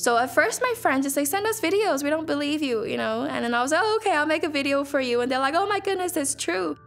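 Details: 28-year-old Australian woman whose speech suddenly took on an Irish-sounding accent 10 days after tonsil removal; fMRI showed abnormal over-firing in language networks; foreign accent syndrome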